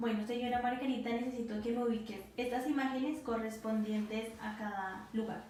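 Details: Adult woman (acted examiner); Normal speech.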